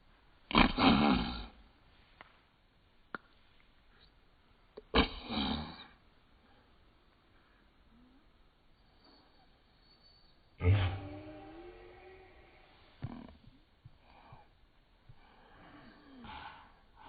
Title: Baby funny sneeze...slow mo @42 sec